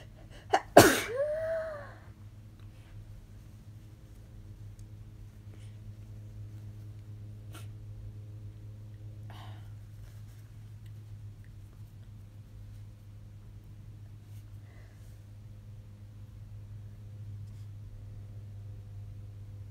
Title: Messy Induced Sneezes